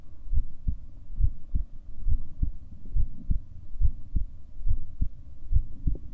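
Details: Own heartbeat recorded over 7 minutes: steady, regular low thumping at about 70 beats a minute with a faint background hum.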